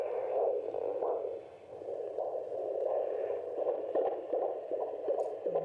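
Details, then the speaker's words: Rapid, rhythmic whooshing pulses at about 160 a minute on handheld Doppler, apparently at 15 weeks of pregnancy, very clear for so early; normal fetal heartbeat. "that is the most clear heartbeat I've ever heard early on"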